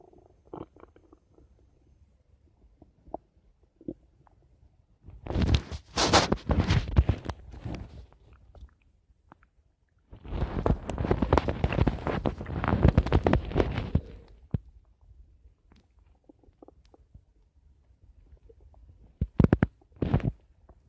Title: My Stomach Making Noise 3